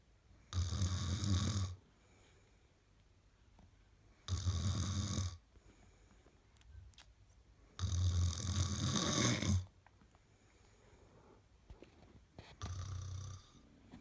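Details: Sleeping girl: loud rattling snores, about four in fourteen seconds with quiet pauses between; ordinary snoring.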